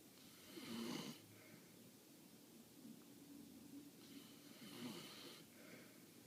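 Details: Snoring: two rough, rattling snoring breaths a few seconds apart from a sleeping male puppy, loud enough to wake another puppy.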